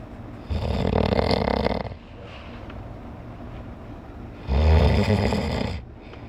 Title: My snoring brother